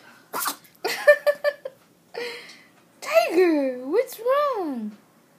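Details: 10-week-old puppy having a sneezing fit after sleeping for half an hour, with a run of short, sharp sneezes followed by whiny vocal sounds; the owner wonders whether it is allergies.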